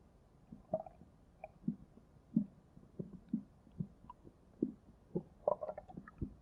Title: Stomach Growling V4